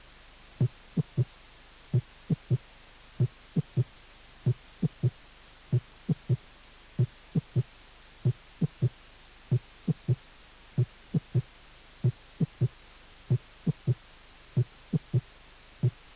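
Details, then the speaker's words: Third heart sound (S3 gallop) in a teaching audio course on cardiac auscultation, presented between the fourth heart sound and the gallop rhythm. "el tercer ruido"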